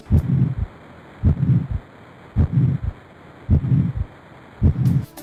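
Regular heart cycles at about 53 beats a minute. Each has a sharp first sound, then a low rushing, blowing noise filling the gap before the second sound. This is a heart murmur, produced by turbulent rather than smooth blood flow through the heart.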